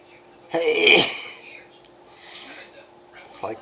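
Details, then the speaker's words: Adult, dizzy, tired and cold, at 3 a.m.: a loud sneeze, then a softer breathy one and a brief third burst in a quiet room; multiple nightly sneezes. "These are late night sneezes."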